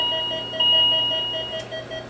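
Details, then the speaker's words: Rapid repeating high electronic beeps from a Philips MMS patient monitor during ECG testing, with the patient simulator set to an extreme heart rate of 300 per minute: heart rate alarm. "When you're in a patient room, you want to get rid of the alarm as soon as you can or the nurses will come running."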